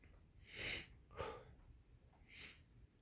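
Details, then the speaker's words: Simulated (acted) sneezing by a person in a dusty, long-unused tent: three short, soft, hissing sneezes in quick succession. "I think he's going to oh I'm okay that was it just getting used to the tent and the dust again oo man do you not feel the dust it's really getting to me"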